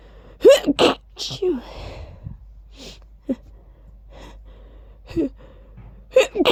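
A run of loud, sharp sneezes, each with a quick indrawn breath and an explosive 'choo' burst, repeated several times.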